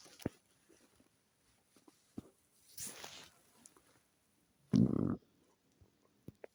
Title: stomach growl test number 1